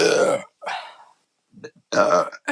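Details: Three loud, rough, voiced belches in quick succession from a woman after chugging a beer: burping.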